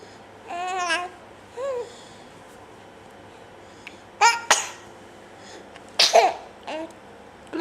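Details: An infant sitting on a couch babbles, then sneezes twice in quick succession with short noisy bursts, then sneezes another pair; ordinary infant sneezing.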